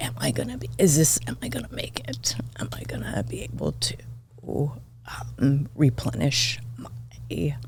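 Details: Adult woman diagnosed this year with spasmodic dysphonia; she attributes it partly to voice overuse and partly to stress, and says it is occurring during this recording; finding: spasmodic dysphonia.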